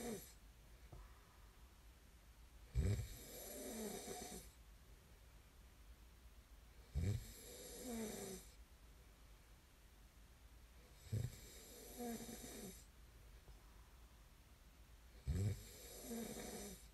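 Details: Snoring ASMR recording of a sleeping man: regular low, rattling snores about every four seconds, roughly 14 breaths a minute.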